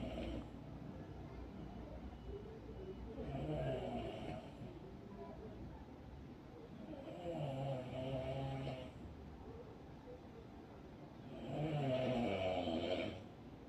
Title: what causes snoring 🤢#snoring #snoringsounds #snoringtreatment